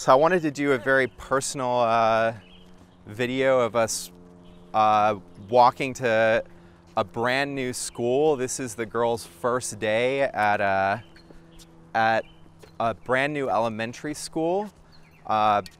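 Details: Adult man speaking; typical adult speech.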